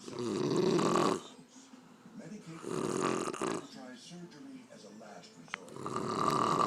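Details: Loud, coarse, rattling snores on each breath in from an aunt sleeping after a day of drinking, with quiet breathing between.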